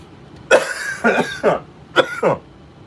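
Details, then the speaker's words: An adult who is sick gives four harsh, wet, raspy coughs in quick succession, described as breaking up junk in the sinuses and throat: a coughing fit during a live stream. "if you can hear that cough's got like that raspy cough, the cough where you're like breaking up disgusting junk inside your sinuses and throat, esophagus, all that goodies, all the good stuff, you know."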